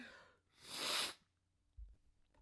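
A short breath in, then one partly held-back sneeze as a hissing burst of air, followed by quiet.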